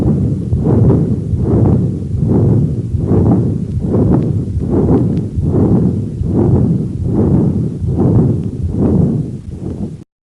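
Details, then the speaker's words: Patent ductus arteriosus in an infant, played as a teaching example: continuous, rumbling, machine-like heart murmur swelling with each beat. "Patent ductus arteriosis. PDA typically causes a continuous machine-like murmur. It sounds like this."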